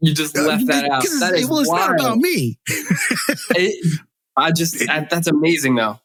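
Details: Adult man who has stuttered since childhood, speaking in adulthood; stuttering.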